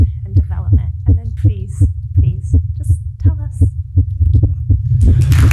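Rapid low thumps at roughly 165 a minute under faint speech; a fast heartbeat.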